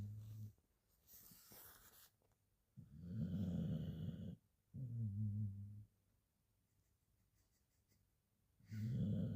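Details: Sleeping Border Collie dog giving slow, loud, rattling snores on the in-breath, separated by quiet pauses; dog snoring.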